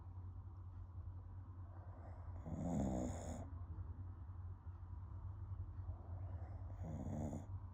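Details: Female snoring with her eyes open: two rough, rattling snores, each a few seconds long with a quiet pause between, over a steady low room hum.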